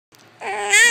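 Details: A baby crying: a brief whimper rising into a loud, clear wail, an ordinary infant cry.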